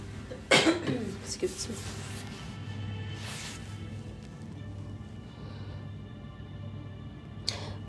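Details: Single sharp cough from an adult woman early on, then quiet breathing and room sounds over soft background music during spoken affirmations.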